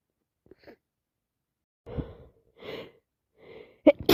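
A few soft breathy catches building up, then a sharp explosive burst at the end: a sneeze during a cold.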